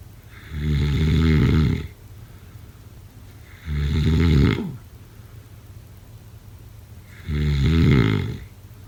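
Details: Loud, rattling, low-pitched snores on each breath in, about 20 a minute, with quiet pauses between; snoring during sleep.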